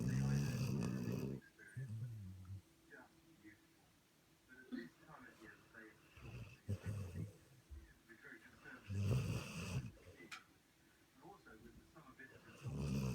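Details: Nova Scotia Duck Tolling Retriever dog dreaming in sleep: low snoring breaths, some loud, some faint, with quiet room noise between; snoring.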